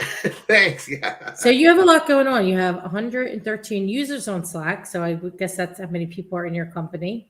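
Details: Adult woman speaking; typical speech.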